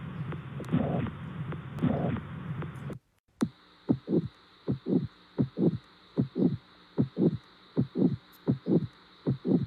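Steady paired heart sounds at about 76 a minute, heard after a few seconds of rushing noise. A teaching heart sound; the type is not named.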